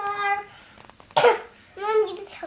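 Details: A child singing Twinkle Twinkle Little Star before bed: a high sung note breaks off into one sharp, harsh cough, then the singing resumes.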